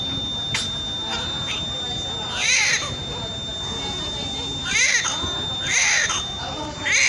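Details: Loud, high-pitched, strong cries in repeated bursts with a faint steady background tone, from a newborn's first cry after birth: a vigorous newborn cry, normal newborn activity.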